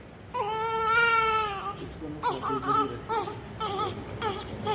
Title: Newborn crying 😭 sound effect #ytshorts #baby #hospital #neonatal